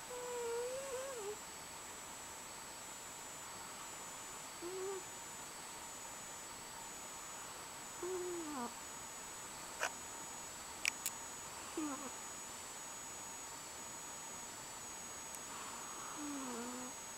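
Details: Sleeping cat snoring with soft, squeaky whistles on each breath, about 15 a minute, over quiet room noise; whisker twitches; whistling snore.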